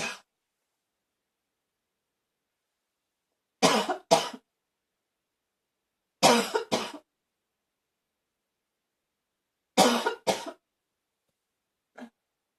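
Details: Three harsh, hoarse double coughs spaced by silence; barking cough.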